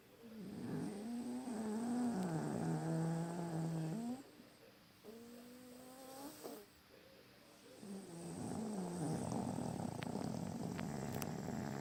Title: Pug snoring